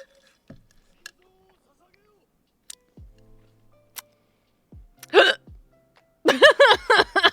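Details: Painful hiccups that lasted about 1.5 hours in all while the person tried remedies, such as hugging the knees to the chest, during a live stream: several short, sharp gulping clicks at irregular intervals, with a brief voiced sound near the end.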